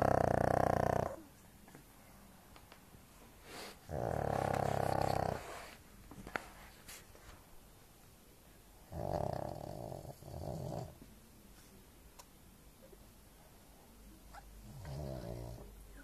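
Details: Pug snoring very loudly: loud, rattling snores with each breath in, separated by quiet pauses; four snores in about 16 seconds.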